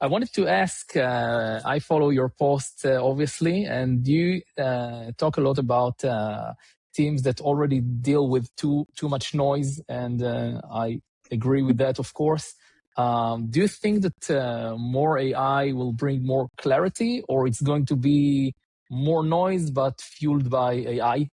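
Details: Adult male speaker; normal voice.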